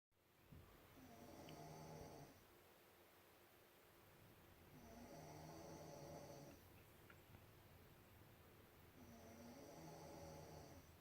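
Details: Regular rattling snores on each breath, about three in eleven seconds, roughly 16 breaths a minute; snoring during sleep.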